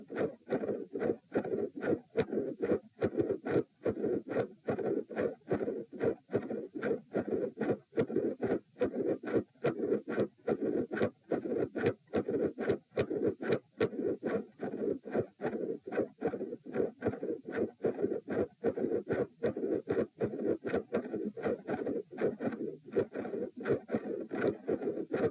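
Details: Loud, bouncy midsystolic murmur with extra heart sounds (3 and 4 sounds), heartbeat about 73/min during straining, recorded at position p lying down in a first attempt at an effective Valsalva manoeuvre.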